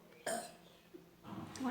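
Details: Burping challenge after drinking a cold drink, real burping sounds: a short loud burp, then a softer second belch-like sound in a quiet room.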